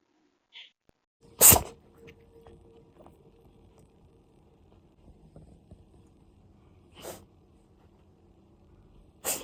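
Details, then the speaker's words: Real recording of a cat's sneeze, a Siberian cat with a stuffy nose filmed to show the vet, contrasted with reverse sneezing; the cat later ate with difficulty because of nasal congestion. "猫のくしゃみと逆くしゃみのリアルな映像と音声が流れます。"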